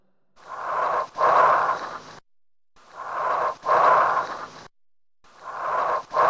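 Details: Bronchial breath sounds on chest auscultation: loud, hollow breathing with a long expiration and a short silent gap between inspiration and expiration.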